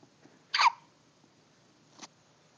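One short, sharp burst of breath, then a faint second sound; fits a small sneeze.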